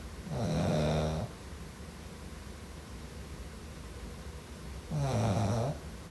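Two loud, low, rattling snores on breathing in, about four seconds apart, with quiet steady noise between; ordinary snoring.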